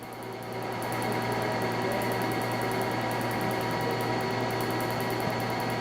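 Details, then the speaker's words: PicoSure picosecond laser firing during tattoo removal, third session including turquoise-blue pigment: steady machine hum with rapid regular ticking pulses, about 220 a minute. "donc c'est l'énergie essentiellement captée par le langres par le pigment qui va exploser qui va être fragmenté et la peau autour elle est complètement respecté"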